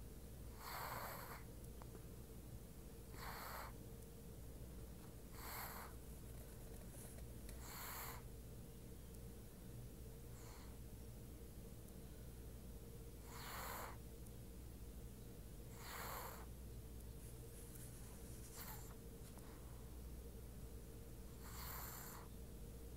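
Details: Sleeping cat snoring with soft, rhythmic breaths, about 20 a minute, over a steady low room hum.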